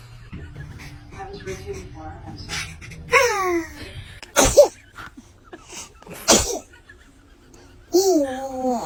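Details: Babies sneezing: sharp, explosive infant sneezes mixed with small baby vocal sounds and a brief cry-like squeal, with background talk.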